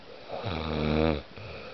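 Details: Sleeping man: a single loud, buzzing snore on a breath in, lasting under a second, while someone talks to him; ordinary snoring.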